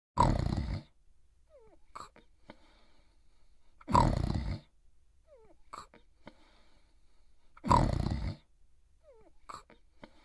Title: Itchy Itchiford Sleeping & Snoring in 2 minutes